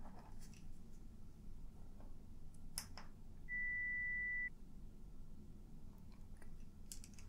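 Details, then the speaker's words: Simulated ASMR audiology role-play, high/low frequency pure-tone hearing test where the listener is asked to raise a hand or say yes: a single steady one-second pure beep over quiet room noise and soft handling sounds. "what i want you to do is when you hear one of the sounds one of the tones you can either raise your hand or you can say yes okay that's all you have to do"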